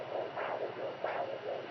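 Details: Home handheld fetal Doppler over mother's abdomen: fast rhythmic whooshing fetal heartbeat, roughly 150–170 beats per minute, said to fluctuate low then high.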